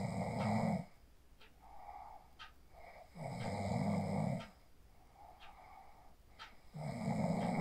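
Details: Phone recording of a person asleep after practicing the 4-7-8 breathing technique: rough, rattling inhalations every few seconds, about three in under eight seconds, with quiet exhalations between; sleep snoring.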